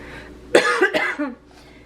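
Two sharp, harsh coughs in quick succession, followed by a brief voiced throat sound, in a quiet room; a lingering cough with a cold.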